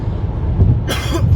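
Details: Single short cough from an adult recovering after four weeks of illness, recorded inside a moving car on a motorway, over steady low road rumble.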